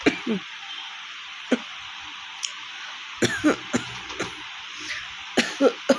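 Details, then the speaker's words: Woman with a real, severe cough after a week of fever and a cold, her throat sore and voice hoarse: repeated short harsh coughs, about a dozen in six seconds, over steady background hiss; a persistent cough. "প্রচণ্ড কাশি হয়েছে বন্ধুরা, মানে গলা পুরো ফেটে গেছে, দেখতে পাচ্ছি।"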